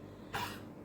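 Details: Dog with a cough that worsened overnight and laboured breathing, second day of symptoms: a single short, harsh cough burst in a quiet room.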